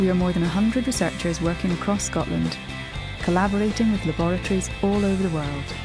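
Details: Adult speaker; ordinary speech.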